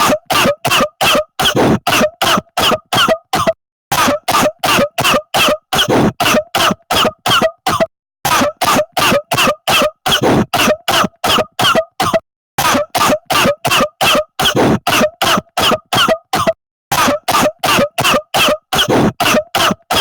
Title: Coughing | 10 minute compilation